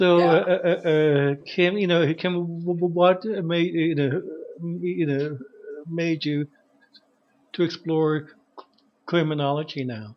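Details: Adult man who stutters; stuttering.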